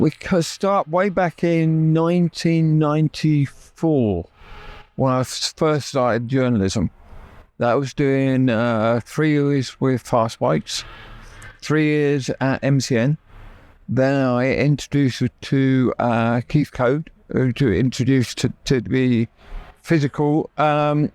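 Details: Adult man with persistent aphasia from a near-fatal stroke about 12 years earlier that took use of his right side; he relearned speech after leaving hospital with only three words, and still knows what he wants to say but can't get it out.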